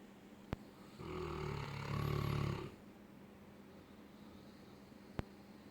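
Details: Four-year-old Neapolitan Mastiff asleep on a bed: one low, rumbling, rattling snore on an inhaled breath lasting under two seconds, with quiet room noise and faint clicks; snoring.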